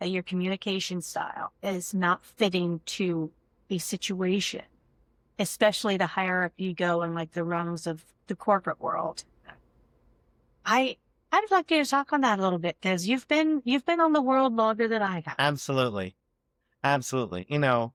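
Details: Adult speakers in conversation; fluent speech.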